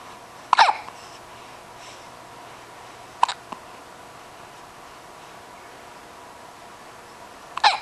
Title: Darned Hiccups